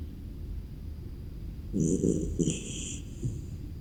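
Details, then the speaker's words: Beagle dog sleeping in its cage on a rainy morning gives one rough, low, rattling snore lasting about a second, then a faint snort. "cuaca hujan terus akhirnya snopi bermain sendir lalu bubuh di kandang padahal ini masih pagi yuk kita dengar tkurannya"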